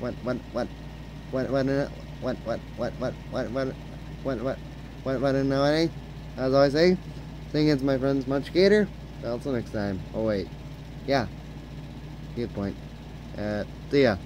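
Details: Male who reports that he stutters a lot, repeating a word many times; stuttering.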